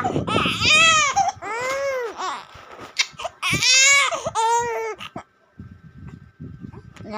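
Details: Infant crying: loud, rising and falling wails in several bursts with short breaths between, then quieter fussing.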